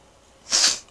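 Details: Caged pet Charlie sneezing repeatedly; owner unsure whether it is fever or an allergy. One short, explosive hissing burst of air after a quiet moment: a single sneeze.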